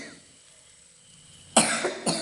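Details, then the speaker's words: Cough from a woman while cooking in her kitchen; she says she caught a cough after bathing and wetting her hair in the cold. Two sharp cough bursts after a quiet stretch of faint kitchen background noise. "നല്ല ചുമയാണ് കേട്ടോ. ഞാൻ കുളിച്ചപ്പോഴേ ഇവിടെ നല്ല തണുപ്പാണ്, തല നനച്ച് കുളിച്ചപ്പോൾ എന്തോ ചുമയൊക്കെ പിടിച്ചിട്ടുണ്ട്."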